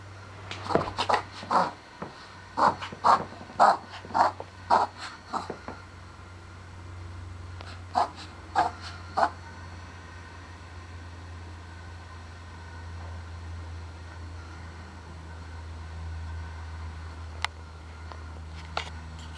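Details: Dog with a rapid run of harsh snorting inhalations, then a brief second burst: reverse sneezing episode.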